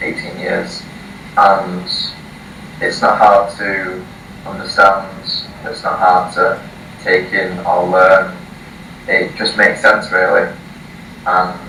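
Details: 18-year-old male from the UK who has stuttered since early childhood, first seeing a speech therapist at age 4, reading a passage aloud before a 3-day speech course; blocks and repetitions; stuttering.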